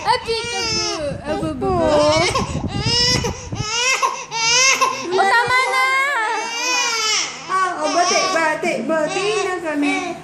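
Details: Infant crying in strong, repeated wailing bursts while an adult talks softly nearby in a small room; the baby was deliberately prompted to cry for the recording.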